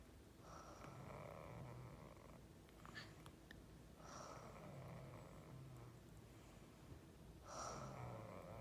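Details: Child snoring while asleep with eyes open: three soft, rhythmic, breathy snores about every three to four seconds, each with a light fluttering quality.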